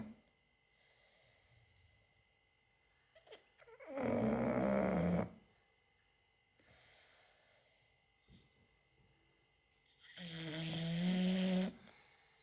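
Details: Two loud, rough, rattling snores with quieter breaths between from a sleeping English bulldog in a small quiet room; snoring.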